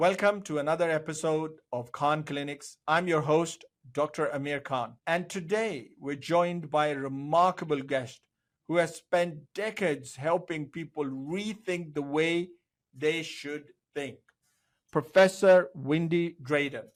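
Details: Adult man; typical speech.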